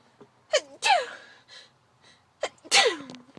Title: sneezing